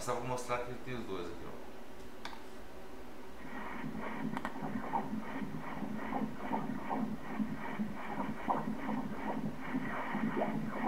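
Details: Fast, regular whooshing fetal heartbeat of fetus B in a twin pregnancy at about 150 beats a minute, heard during obstetric ultrasound; similar rate to its twin; fetal heartbeat.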